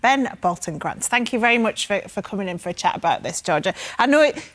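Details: Adult female speaker; no speech disorder.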